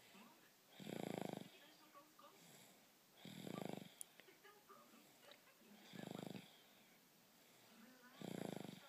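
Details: Rhythmic rattling snores on each breath in, about four in nine seconds, with quiet breaths out between, from an infant snoring during a nap.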